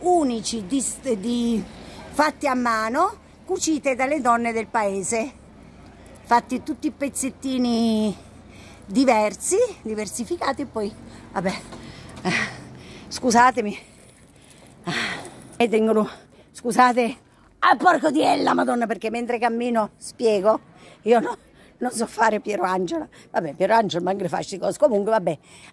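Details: Female vlogger with Tourette syndrome; sudden involuntary swearing outbursts (vocal tics with coprolalia) interrupt her speech.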